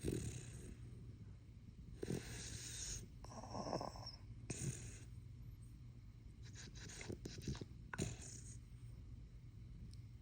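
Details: A sleeping male dog gives low rumbling snores with snorting breaths, one about every two to three seconds, against steady room hum; snoring.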